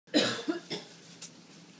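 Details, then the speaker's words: Guinea pig sneezing: a few tiny, quick, squeaky bursts of air in a quiet room. "Bless you. What are you licking at? Oh, bless you. Oh, my God. That was so cute."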